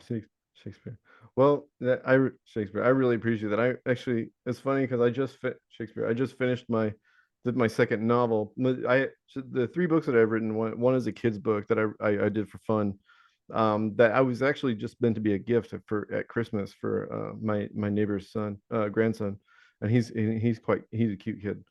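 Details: Adult man with Tourette syndrome whose speech is interrupted by the repeated vocal tic "Shakespeare"; vocal tic.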